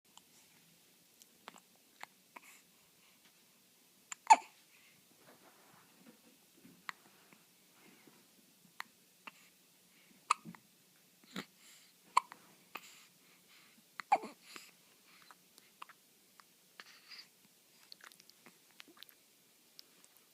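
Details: Repeated short, sharp gulping catches at irregular intervals in a quiet room; hiccups.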